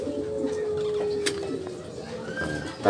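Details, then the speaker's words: Pigeon with respiratory infection (snoring, sneezing, runny nose), four days into treatment with a poultry medicine and no longer sneezing: drawn-out, slightly falling whistling snore-like breathing over faint room noise. Noisy respiratory sound (snoring). "tapi detik masih kedengaran bunyinya ngorok ya"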